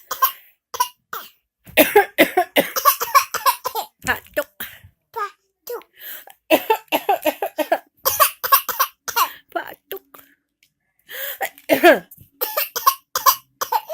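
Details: Rapid run of short playful coughs mixed with laughter and voices as a child joins in coughing, imitating rather than truly ill; imitated cough.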